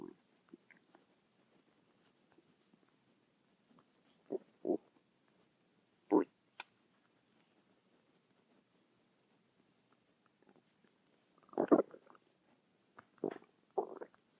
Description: it just DOESN'T STOP!!!!!